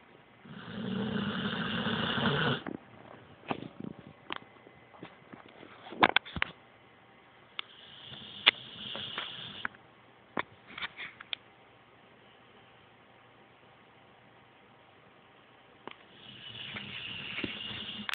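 Loud, rough snorts with sniffing and snuffling between breaths, a few rasping breaths heard: snoring.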